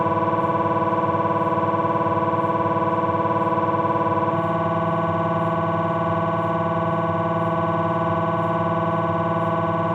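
A loud, steady, rapidly pulsing buzz with a tonal drone that shifts pitch partway through; typical MRI scanner sequence noise.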